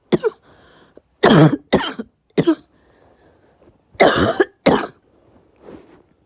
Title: Short cough